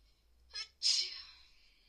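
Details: One explosive, hissing sneeze after a short in-breath, in a person with a cold caught in the pool who feels sick and can't stop sneezing.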